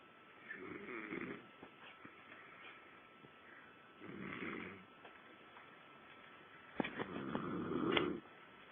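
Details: Snoring from a man who doubts that he snores: three rough, rattling snores about three seconds apart during sleep, with quiet pauses between them, against faint room hiss.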